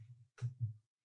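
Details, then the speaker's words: Imitated nasal snoring: after a faint breath, a loud, rough, low rumbling snort drawn through the nose with the mouth closed, demonstrating turbulence in the nasopharynx. "Okay, so there's turbulence in the nasopharynx."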